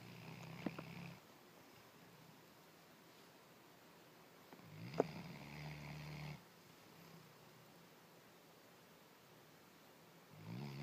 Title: snoring